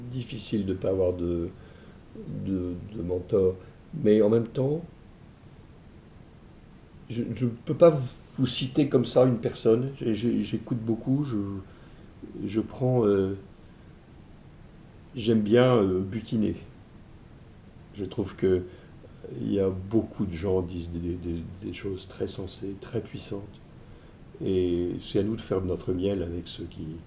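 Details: Adult male entrepreneur with stuttering (bégaiement), which he self-reports; he says his ease of speaking varies with how receptive the listener is. Finding: stuttering.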